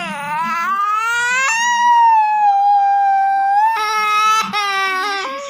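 Loud, sustained infant crying with long wailing cries and short bursts, clear and strongly voiced.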